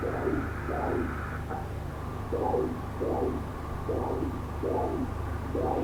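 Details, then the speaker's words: Abnormal arterial Doppler of the right common femoral artery at the groin, angle 60°: soft, rounded single whooshes with each pulse, a low-velocity monophasic pattern, diastole intermittent, suggesting proximal disease; not the normal triphasic pattern. "Y ya partimos de un espectro que no es normal. No es el típico patrón trifásico que debería tener una arteria femoral común. Este patrón vemos que es un patrón monofásico, de bajas velocidades."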